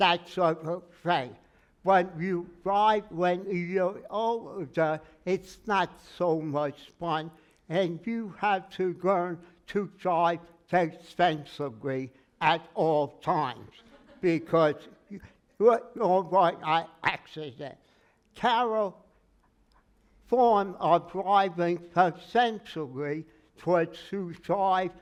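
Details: Aphasia in a man with word-finding trouble, treated with speech therapy including singing; took 3 years to talk; aphasia.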